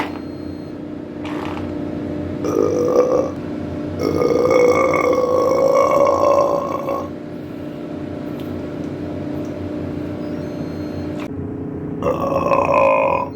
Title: Big burps and farts with cake and icecream